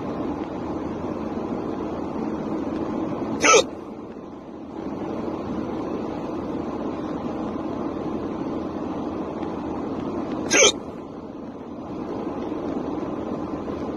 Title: Hiccups in the car